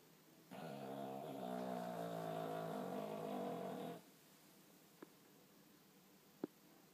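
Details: Pet named Blinky, species not stated, snoring a little at night: one long, soft, buzzing, fluttering breath lasting about three seconds, then quiet.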